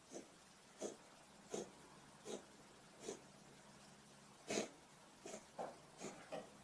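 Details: Cat giving a run of about ten short, harsh, hacking coughs in a few seconds; repeated airway cough.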